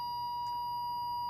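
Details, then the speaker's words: Puritan Bennett 560 ventilator switched off at the rear power switch while still ventilating rather than first placed in standby: a steady high-pitched electronic alarm tone with an alert screen, the ventilator alarm tone. "so if it's actually ventilating and I haven't put it in a standby function if I try to turn it off you get that sound and you get that screen"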